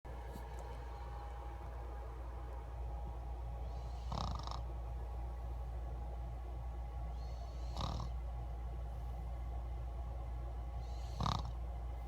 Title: snoring 9-2016